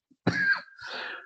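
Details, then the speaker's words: Lecturer's imitation, not a real patient, of a child's pertussis paroxysm: soft breathy rush, brief catch, then loud harsh inspiratory whoop as the child inhales through a narrowed, plugged airway after a coughing bout; whooping cough. "After a bout of cough, the child is trying to inhale through this long tube, and this tube is blocked because of lymphoid tissue around it, because of the plugs inside, and so this is the kind"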